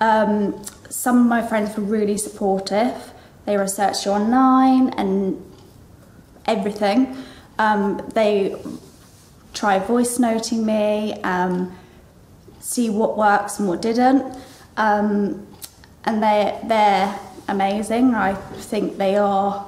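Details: Adult woman with aphasia after a stroke, now a charity trustee; mild aphasia with word-finding difficulty.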